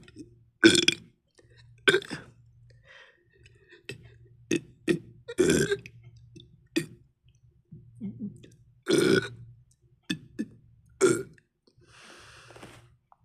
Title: #belching #gassy #burp